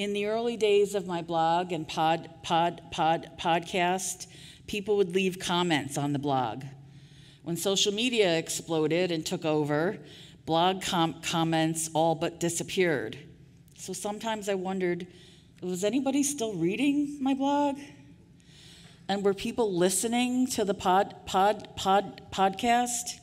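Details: Adult woman with real stuttering speaking at a 2023 stuttering association conference keynote; part-word and word repetitions audible; stuttering.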